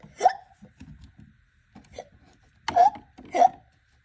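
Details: Three sharp, abrupt, voiced hiccups with soft sounds between them, typical of a child's hiccups.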